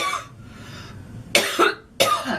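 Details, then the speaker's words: Girl coughing after inhaling smoke: about four rough, forceful coughs in quick succession, an irritated coughing fit. "It's crazy cuz we have like three different three different kinds of coughing going on here."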